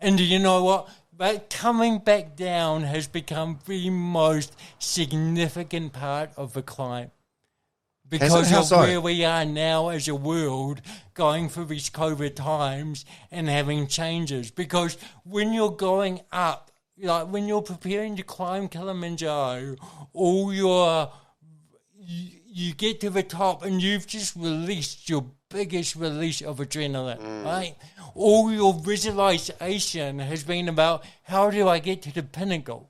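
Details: Adult man with congenital cerebral palsy, a brain injury from oxygen loss at birth, thinking unaffected: mild dysarthria (cerebral palsy).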